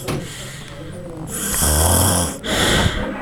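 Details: Man snoring, recorded close up: loud, harsh snoring breaths with a deep rattling rumble; snoring.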